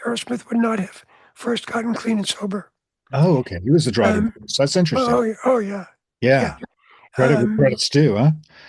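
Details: Adult speakers in conversation; normal voice.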